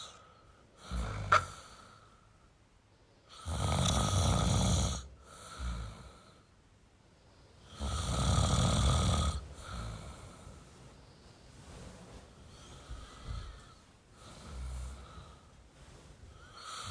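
Loud, low, rumbling snores on uneven breaths, about 14 a minute, with softer breaths between; snoring.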